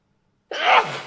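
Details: Sneezing compilation clip: a single sharp, explosive sneeze after brief silence, fading with a short breathy tail.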